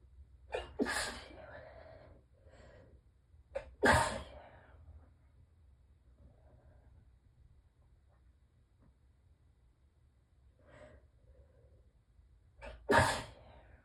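Three sharp sneezes, each preceded by a quick inward breath, muffled slightly into a tissue; repeated sneezing from allergies.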